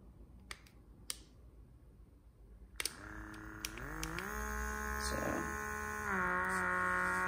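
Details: Small portable electric infant nasal aspirator: a few clicks, then a steady motor hum rising in pitch as suction builds; the soft tip collapses, so it cannot clear mucus.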